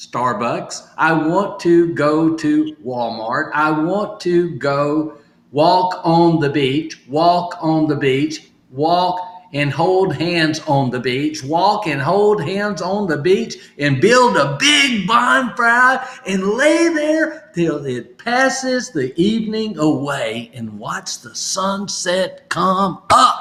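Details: Adult stroke survivor with aphasia (post-stroke), in recovery and doing home therapy practising phrases from sticky notes; aphasia.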